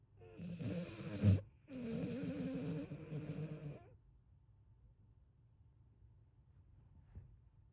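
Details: Two rough, buzzing snores, one brief and one longer, with a snorting catch between them, then quiet breathing, from a sleeping American Bully (pit bull type) dog: snoring.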